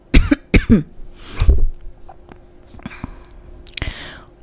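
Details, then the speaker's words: Adult woman with a bad throat: several short, sharp coughs and throat clearing in a quiet small room. "ख़राब है मेरा, तो हो सकता है बीच बीच में आपको मेरी ये आवाज़ खांसी वाली आवाज़ सुने दे।"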